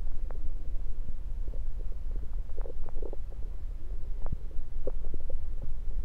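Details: Bowel sounds heard through a stethoscope placed around the belly, recorded mainly to show stethoscope placement: low steady stomach rumbling with scattered soft gurgles and clicks; ordinary bowel sounds.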